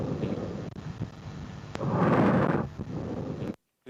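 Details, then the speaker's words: Real respiratory sound sample from the ICBHI dataset: soft rushing breath noise through a stethoscope with low rumble, no crackles or wheeze; normal breath sounds. "그 이거는 이제 icb 데이터에 대한 실제 샘플이고 말 사운드입니다"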